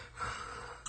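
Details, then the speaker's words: Sleeping adult with heavy snoring and obstructive sleep apnoea: breathing stops as if choking, then a brief, sharp gasping snort and loud snoring resume, the recovery breath after an apnoea. "숨이 넘어갈 때 타다가 척하고 숨이 막히 는가 싶더니 다시 골을 크게 봅니다"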